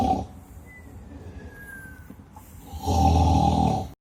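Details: Artificial snoring from a giant art installation at a 2019 Zagreb festival: a brief snort, then a loud, low, rattling snore over quieter background noise; snoring.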